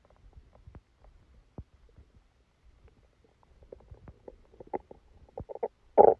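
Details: Stomachache after Christmas dinner, recorded while the person was sleeping: quiet scattered gurgles and squelches growing louder toward the end, with a final loud rumble; active bowel sounds.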